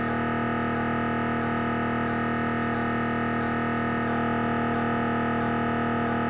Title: 🧲 What an MRI Sound like / Siemens Magnetom Avanto Headscan Sounds